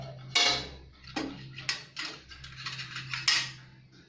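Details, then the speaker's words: Several sharp metallic clinks and clatters as instruments are placed carefully into a pot of boiling water on a stove, boiling for instrument processing in infection prevention. "jika sudah mendidih kita masukkan alat yang akan direbus hati-hati karena posisi air sudah mendidih"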